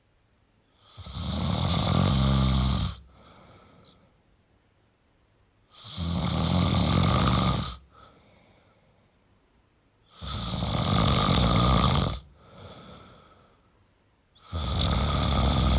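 Long, loud, rough snores on each breath in, with quieter breaths out, about four breaths in sixteen seconds: snoring.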